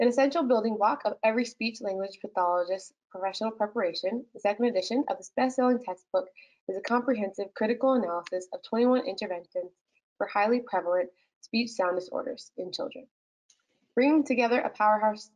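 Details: Adult woman; normal speech.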